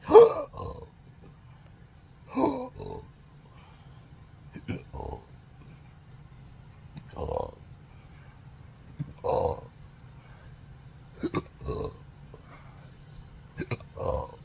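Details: Repeated abrupt throaty hiccup-like bursts and burps at irregular intervals over about 14 seconds. Recorded 4 July 2025 in a patient with chronic hiccups since 2015 surgery-related nerve damage (pudendal, phrenic, vagus): intractable hiccups with belching.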